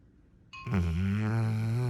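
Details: A single loud, low, sustained rumbling snore after a short quiet stretch, loud enough to drown out a movie; snoring.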